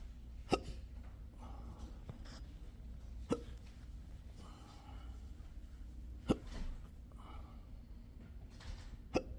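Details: Patient diagnosed with persistent intractable hiccups, ongoing since 2015, recorded one morning at a doctor's office: four sharp, abrupt hiccups about three seconds apart with quiet room noise between.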